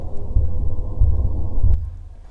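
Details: Man's own heartbeat recorded at home with an Android-type microphone as an experiment: three deep, regular thumps about 90 a minute over a steady low hum; normal heart sounds.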